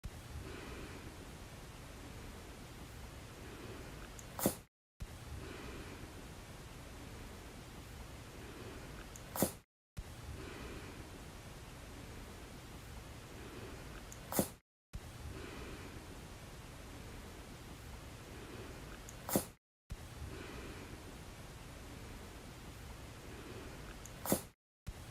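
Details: Five brief, sharp sneezes from a small rabbit, each followed by short silence, over faint room hiss.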